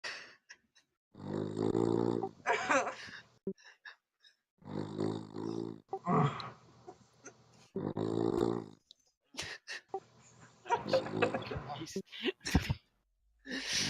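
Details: Heavy snoring likened to a chainsaw: loud, rough, rattling breath noises rising and falling irregularly during sleep.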